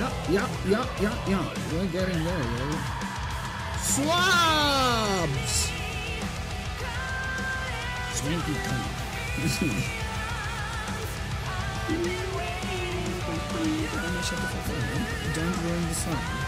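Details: Adult with Tourette syndrome producing involuntary vocal tics with swearing during a live art stream, then addressing the tic; vocal tics with coprolalia (Tourette syndrome).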